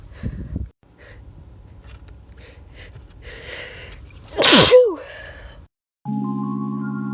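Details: Person recording natural sneezes: a soft sneeze, a short inhale, then one loud explosive sneeze, followed by a steady electronic tone; sneezing.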